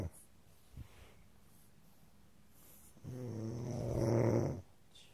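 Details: A single rough, buzzing inhaled snore after quiet breathing; snoring.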